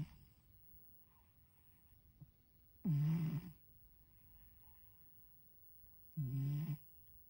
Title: Britt the cat in Hancock county Snoring!